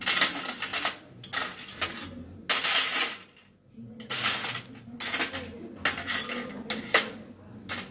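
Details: Bright metallic clinks and rattles of instruments as a sterile dressing set is opened with clean gloves for tracheostomy wound care in a woman, done to prevent infection; the procedure takes about 12 minutes.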